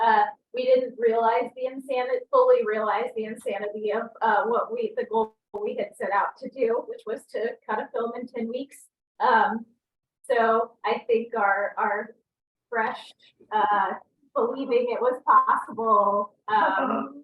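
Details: Adult speaker; normal speech.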